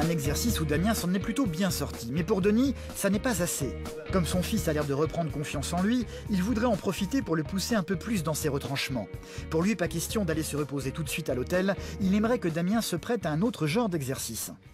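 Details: Adult male narrator; normal fluent speech.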